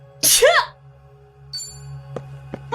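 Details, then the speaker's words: Single sharp, high-pitched sneeze from a livestreaming VTuber, who says "I'm gonna sneeze" just before it, followed by quiet room noise and a few soft clicks. "Oh god, I'm gonna sneeze."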